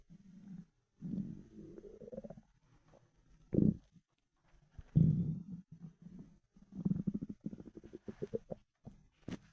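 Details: Loud hungry stomach rumbling: gurgling, groaning rumbles in bursts with squeaky rising tones.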